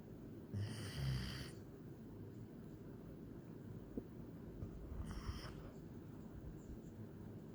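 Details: Sleeping German Shepherd: two rough, rattling snores about five seconds apart over steady low room noise; snoring.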